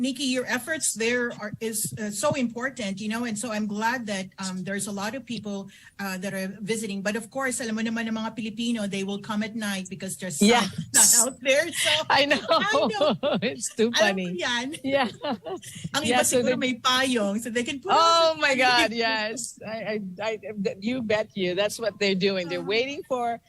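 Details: Adult women in conversation; Normal conversational speech.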